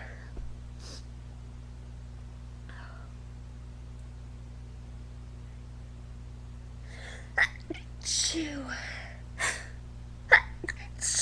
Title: Girl's Epic Sneezing Attack